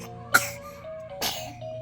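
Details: Two short, sharp sneezes about a second apart over steady background music, from a male who sneezed himself during lots of excited activity; sneezing.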